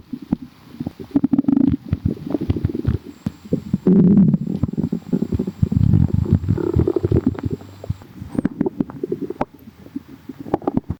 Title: sooo bubblyyy | stomach growling